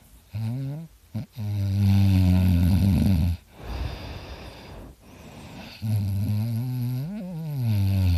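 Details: Person's own heavy snoring, likened to a chainsaw: loud, deep, rattling snores with each in-breath, separated by softer airy out-breaths in a quiet room.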